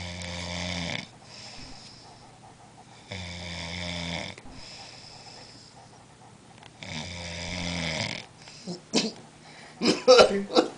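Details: Snoring from a sleeper after a long night of drinking.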